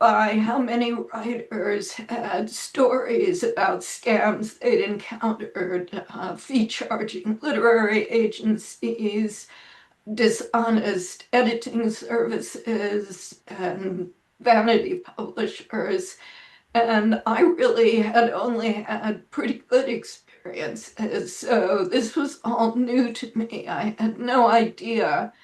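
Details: Spasmodic dysphonia in an adult woman; severity varies from day to day, and she reports this as not a particularly good day.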